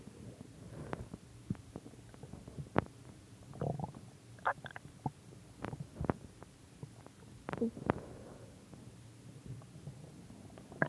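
Repeated gurgles, squeaks and rumbling growls over a low background; ordinary stomach growling.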